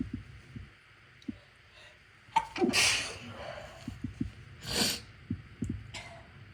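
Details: Induced sneezes after a tickle in the left nostril: sniffs and catching breaths build to two forceful sneezes, with small clicks and breaths around them in a quiet room.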